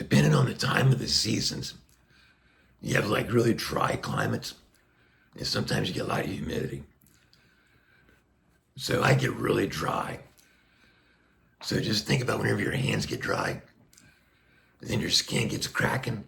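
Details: Adult man speaking through a Passy-Muir one-way speaking valve on a tracheostomy tube, tracheotomy for neck cancer under a year ago; he reports restrictive, squeezing vocal cords and getting winded.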